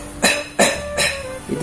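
Three short, sharp cough-like bursts made as a beatbox snare imitation, not a true cough.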